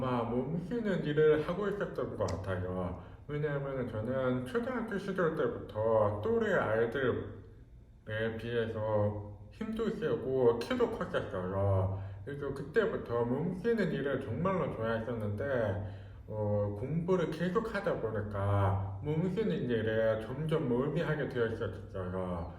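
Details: Speech of a man who is hard of hearing, cause unknown, wearing a hearing aid in the left ear and a cochlear implant in the right ear; hearing loss.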